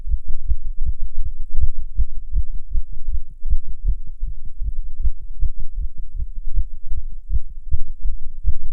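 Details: Non-smoker smoking a cigarette, heart rate rising under nicotine: steady, quick, low heart thumps repeat evenly throughout; a fast regular heartbeat, tachycardia.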